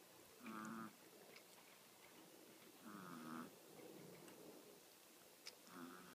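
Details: Six-year-old white teacup Chihuahua (about 3.5 lb) snoring loudly while asleep: short nasal snores with a faint whistle, about three in six seconds, over steady room hiss.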